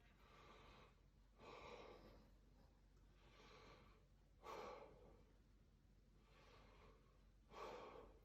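Deep, even breaths at about 20 a minute, soft rushing airflow with no crackles or wheeze: normal breath sounds.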